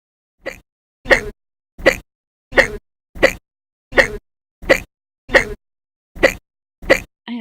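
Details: Simulated, cartoon-style recreation of loud hiccups after waking from an endoscopy in a patient diagnosed with gastritis who has pain under the ribs: about ten loud, voiced 'hic' sounds in a steady rhythm, roughly one every 0.7 seconds.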